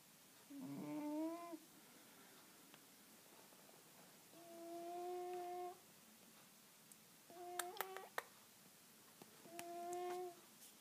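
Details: Siamese cat snoring loudly: four drawn-out, tonal, whistling nasal breath sounds over quiet room noise, each about a second long.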